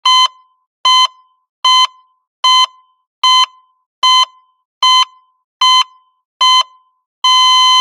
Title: Ekg Heart Monitor Flat Lines Take 1